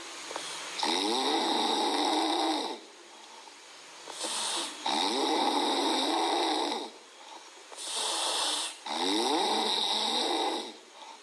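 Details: Sleeping Chihuahua puppy: loud, hoarse, rasping, human-like snores with whistly breaths, about 15 a minute; snoring.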